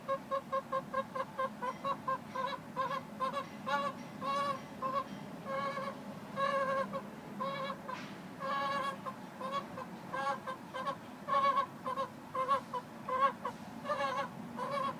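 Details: A hen making abnormal crying-like vocalizations for about 3 days: a steady run of short, repeated, high-pitched whining calls without pause, and the owner asks whether this is normal.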